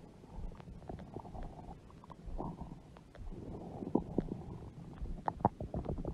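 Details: Stomach growling noises from a woman's very large belly, heard with music and talking; borborygmi.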